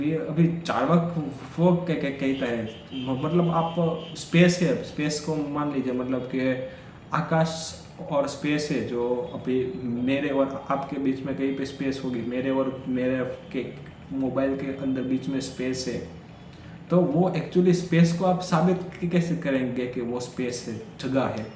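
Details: Stammering in an adult male during Day 4 of his daily speech practice, speaking Hindi; he says he stuttered more during this section.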